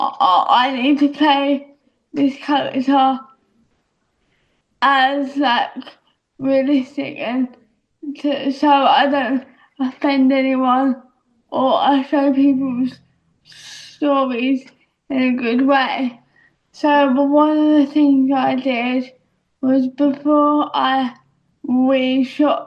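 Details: Young actress with a self-described audible speech impediment; speech impediment.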